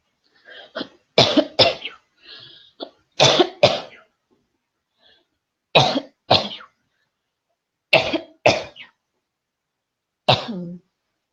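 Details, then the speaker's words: An adult wearing earbuds gives a series of paired dry coughs with some throat clearing in a quiet room; cough. "Oh, very well. Perfect. So you can hear my coughing very well too, huh?"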